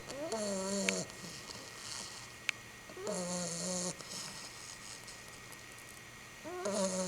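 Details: Pitbull puppy asleep after a long day of playing: buzzing, slightly whistling snores at about 17 breaths a minute; normal snoring in deep sleep.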